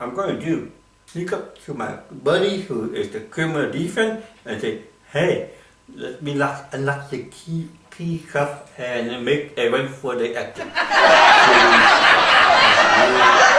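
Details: Adult man with cerebral palsy performing comedy in English: dysarthria.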